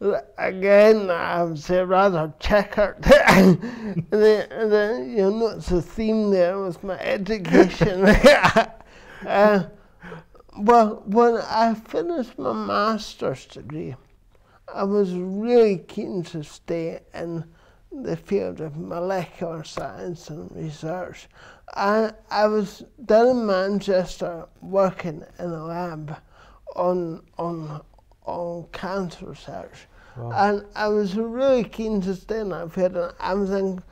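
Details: Dysarthria in an adult man with cerebral palsy since birth, which he says affects his verbal communication, balance and coordination.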